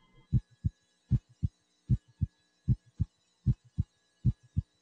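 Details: Regular lub-dub heartbeat at about 77 beats a minute, mitral area (fifth intercostal space, midclavicular line, cardiac apex), stethoscope during anterior chest exam, no added sounds; normal heart sounds.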